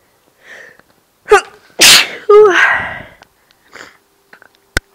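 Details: Person sneezing: a soft intake of breath, then two sharp explosive sneezes close together, with small breathy sounds afterward.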